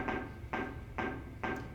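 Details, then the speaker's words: Click-evoked otoacoustic emissions: evenly spaced clicks, each followed by a faint ringing, slightly tonal echo response recorded from the ear canal. "Here are the click-evoked otoacoustic emissions of the same ears we just heard for spontaneous. There's 5 presentations, the click and then the response, the click and then the response."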